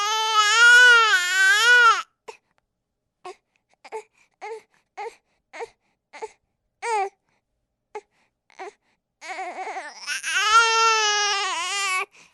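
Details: Infant crying from a baby sound-sample recording: long, loud wails separated by a run of short, broken sobbing cries, then another sustained wail.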